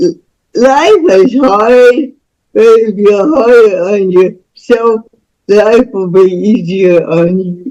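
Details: Woman about to turn 49 with spastic cerebral palsy since birth, which she attributes to being born with the umbilical cord around her neck five times; real, unacted speech; dysarthric speech in cerebral palsy.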